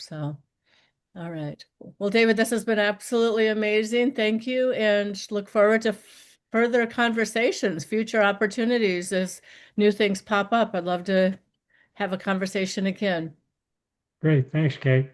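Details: Adult woman speaking; Normal speech.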